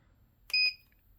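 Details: LW-007A ultrasound therapy machine with 1 MHz and 3 MHz heads: a single short, high-pitched electronic beep as a low/medium/high power setting is selected.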